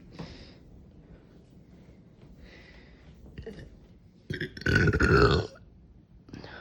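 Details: Drunk young man deliberately belching: one loud, drawn-out belch of about a second, with quieter voices and room noise before it.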